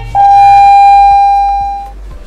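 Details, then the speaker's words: Simulated adult ACLS on a manikin: SVT unresponsive to vagal maneuvers and adenosine 6 mg, patient hypotensive and unstable; a single steady beep from a defibrillator as synchronized cardioversion at 100 J is delivered. "the patient is hypotensive doctor he becomes unstable please do immediate cardion synchronized division I'm Charing 100"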